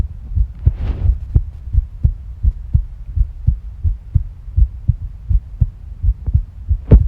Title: 胃の中と心臓音 Stomach and heart sounds